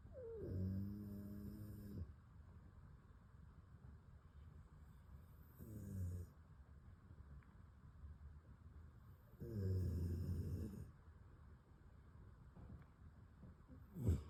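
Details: Dog snoring: quiet, low fluttering snores roughly every four seconds, with soft whistling on the breaths.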